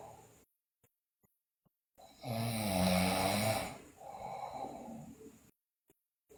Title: Sleeping Girl Loudly Snore, Bruxism, Delirious